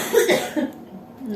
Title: Try this coke with ginger for cough